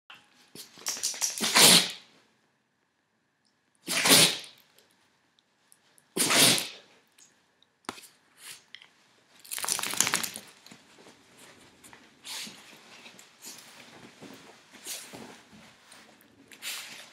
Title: Cute baby puppies sneeze and play fight